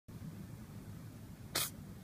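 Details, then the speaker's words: Brief sharp single sneeze from a pet named Bacon over steady background noise; owner asks if it is okay or has a cold; sneezing. "Bacon, why are you sneezing?"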